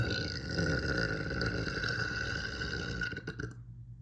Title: These were some of my biggest burps yet😳